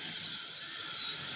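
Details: Dental drill during a child's pulpectomy: steady high-pitched whine of the drill running in a small room.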